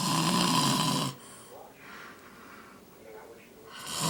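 A loud, harsh rattling snore on the breath in, then quiet breathing before the next snore begins; heavy snoring.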